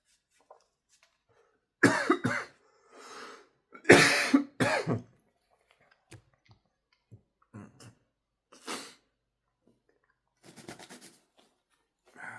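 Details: Adult who snorted a sneeze-inducing powder (chinkini) and inhaled a lot: several harsh coughs in short bursts with throat clearing, then quieter breaths and small coughs; cough.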